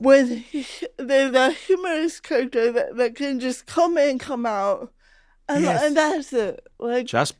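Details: Adult female comedian with cerebral palsy, real conversational speech; dysarthria (cerebral palsy)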